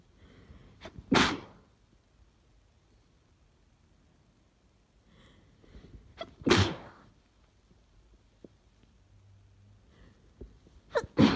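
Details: Sneezing fit from hay fever, possibly a cold instead, on a train, stifled sneezes into tissues: three sharp sneezes a few seconds apart, each preceded by a brief in-breath, in a quiet setting.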